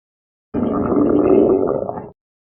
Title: stomach growls